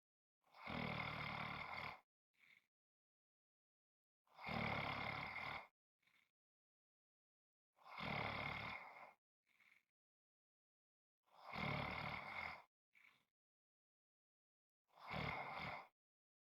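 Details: Loud, rough, rattling snores on each in-breath, about 17 a minute, each followed by a faint short out-breath, in a steady rhythm; snoring.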